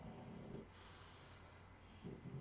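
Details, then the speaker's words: Snoring of Toto heard in the background while beads are threaded; snoring. "Vous entendez Toto ronfler."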